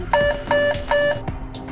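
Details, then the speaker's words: Animation of high frequency deep sclerotomy (HFDS) glaucoma surgery: three evenly spaced beeps over music, the device timing signal while pressing the pedal to create a pocket, the tip withdrawn after the third beep; surgical device beep signal. "press the pedal and push simultaneously the hfds tip forward to create the pocket which provides outflow through the trabecular meshwork and schlemm's canal into the intrascleral collector channels with the third beeping sound"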